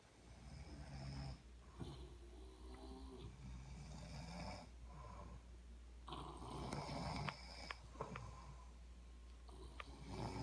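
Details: Two people, a person and their dad, snoring together: repeated deep, rattling snores over a steady low room hum with a few sharp clicks; snoring during sleep.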